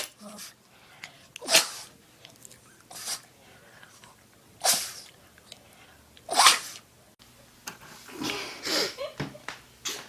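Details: Small puppies sneezing: several short, sharp sneezes with light voice-over talk in a small room.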